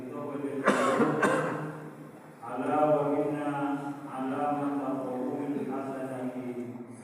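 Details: Coughing among worshippers during a Friday sermon: two sharp cough bursts, then a man's steady chanted speech.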